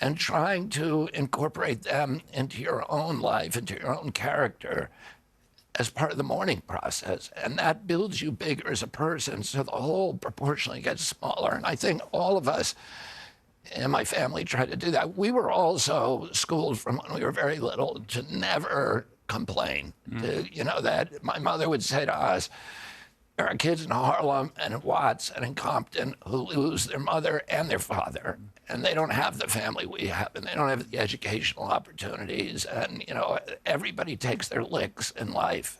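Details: Adult man with spasmodic dystonia, a neurological disorder that began after a 1996 injury at age 42 and makes his vocal cords tighten constantly; surgery in Kyoto about eight months earlier made his voice more reliable.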